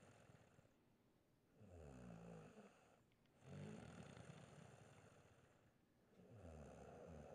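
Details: Person snoring: rough, rattling snores on each breath in, about three in the recording, with quieter breathing between them.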